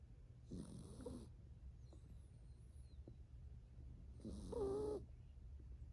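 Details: 7-year-old toy poodle, a rescue, napping on her owner's lap: two short, nasal, slightly whistling snores about four seconds apart, with faint birdsong outside; dog snoring.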